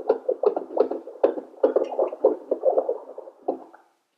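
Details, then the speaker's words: Simulated fetal heartbeat made by tapping a wireless FHR Pro Doppler probe of a portable NST/CTG machine: rapid muffled whooshing thumps while fetal heart rate is counted and plotted. "now like you see i am trying to create a baby's heartbeat by tapping on the fhr pro here is the count of the fhr and the fhr is being plotted on the upper side of the graph"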